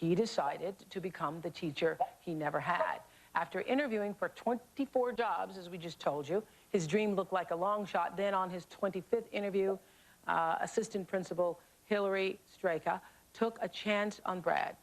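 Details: Adult female narrator; Normal speech.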